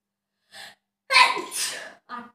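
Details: Single sneeze from a self-induced sneezing challenge (30 sneezes): a quick in-breath, then an explosive sneeze and a short breath after.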